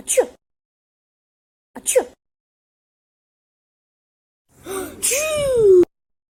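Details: Two sharp sneezes, then a drawn-out gasping inhale ending in a falling voiced sneeze: sneezing.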